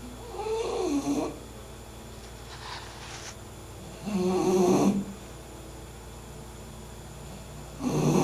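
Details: Sleeping English bulldog snoring loudly and roughly about every four seconds, roughly 17 breaths a minute, with softer whistling between; snoring.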